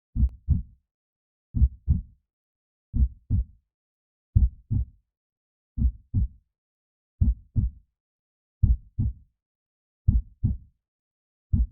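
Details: Creepy horror/Halloween heartbeat sound effect, synthetic: slow, regular paired lub-dub thumps at about 42 beats a minute in silence.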